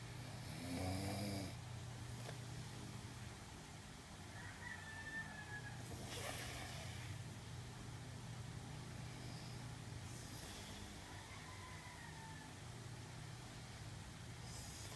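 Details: Snoring from a sleeping male: a low rattling snore, then quieter breathing noises over a steady low room hum.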